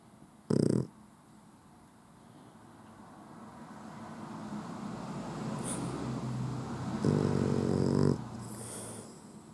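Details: Sleeping male puggle dog that sleeps with his eyes open: two loud, rough snoring bursts over a quiet, rising room hum; ordinary snoring.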